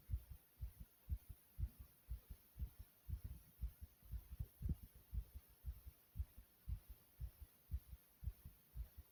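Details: Own fast heartbeat recorded from inside the chest: rapid, regular low thumping at roughly 118 beats a minute, faster than a resting rate: fast heartbeat.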